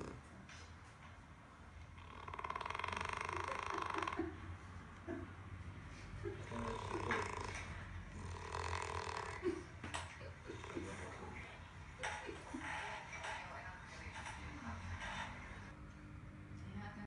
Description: A French Bulldog dog sleeps on a couch indoors. It wakes up and looks at a cell phone recording of itself snoring.